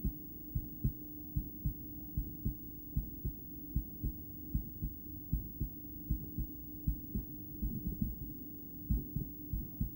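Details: Adult female's heart via stethoscope during breathplay, intermittent bigeminy: low heart thumps with uneven spacing, some in close pairs, over steady hum and breath noise; suboptimal stethoscope spot.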